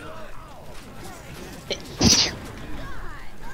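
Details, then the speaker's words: A brief intake of breath, then one sharp, explosive sneeze from a player during a live game stream, over low background game noise: sneeze. "Bless you. Thank you, sorry I didn't have time to mute."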